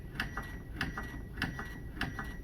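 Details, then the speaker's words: AED after delivering a shock, prompting hands-only CPR in a training demonstration: steady clicking metronome tones at 100 per minute pacing chest compressions; AED CPR metronome prompt. "is a rate of 100 a minute. So it helps us keep our pace."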